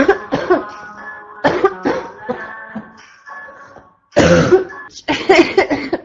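Repeated harsh, explosive coughs in clusters, with a barking quality, over soft background music.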